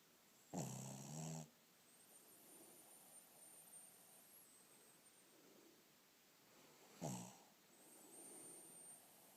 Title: My dog snoring!!!